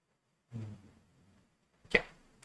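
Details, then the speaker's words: A female dog asleep on the floor snores very loudly in the background of a recording. "I do apologise if you can hear snoring in the background. The dog is asleep on the floor, and she is a very loud snorer."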